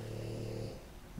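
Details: Snoring from an adult man napping after eating a huge cheat-day meal during a 10,000-calorie challenge: a low, rumbling snore on the in-breath that fades after a moment.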